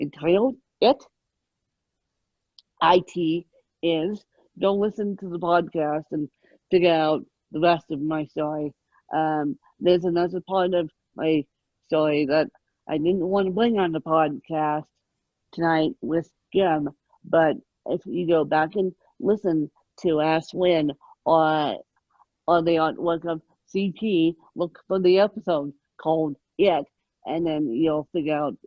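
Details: Adult woman with moderate, mid-spectrum ataxic cerebral palsy present since birth, caused by lack of oxygen at birth, needing 24-hour care; ataxic dysarthria (cerebral palsy).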